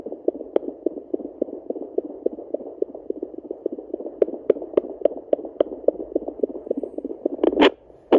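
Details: Pregnant Yorkie at day 49, fetal Doppler on the abdomen: rapid, regular whooshing fetal heartbeat of a third puppy, about 210 beats a minute, after she moved; she was scanned for 3 puppies weeks earlier.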